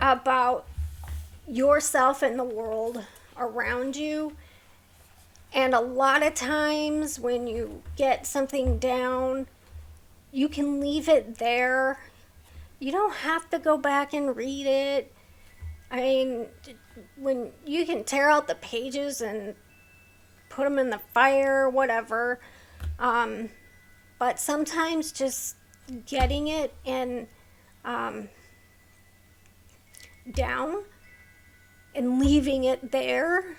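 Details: Adult woman with a neurological condition causing tremor of hands, voice and head, plus mild tardive dyskinesia; her throat has become sore from straining to talk; vocal tremor.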